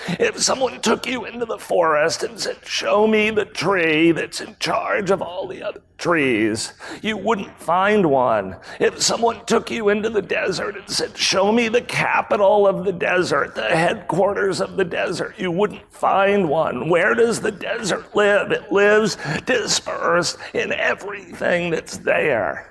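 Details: Real adult man with spasmodic dysphonia, a rare voice disorder acquired in 2010, recorded at a 2018 keynote; his throat muscles spasm and contract when he talks, making speaking sometimes difficult, and he notes it is audible. Finding: spasmodic dysphonia.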